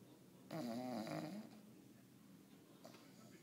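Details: English Bulldog snoring during a long nap: one short, loud, rattling snore with a wavering tone, followed by quieter breathing.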